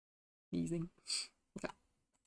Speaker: Can you hear my dog sneezing in the background? She's just reeling around.